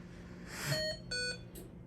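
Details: Hamilton-C1 ventilator: two short electronic tones over low room hum as the patient is disconnected after pressing increase O2, starting a suction maneuver that pauses ventilation for 60 seconds.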